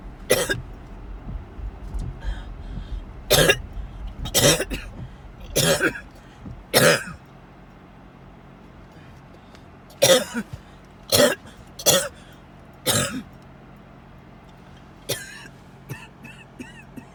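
Repeated harsh cough bursts, about ten over seventeen seconds, in clusters with pauses, over quiet car noise; a coughing fit.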